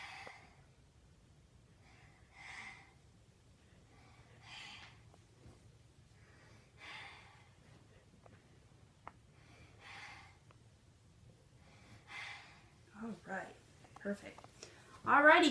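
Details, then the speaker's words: Six-year-old boy, heart rate 90, auscultated during a vital-signs demonstration while sitting up with arms raised: soft, even normal breaths at about 22 a minute with no added sounds, judged healthy. "you are a healthy boy thanks for being my patient today yeah all right thanks guys for watching"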